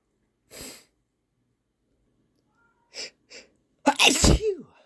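Sniffs leading into a strong sneeze, followed by a nose blow.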